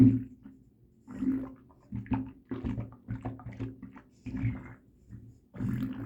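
Low gurgling, sloshing rumbles in irregular bursts with quiet gaps; stomach sloshing and bowel rumbling, ordinary digestive sounds.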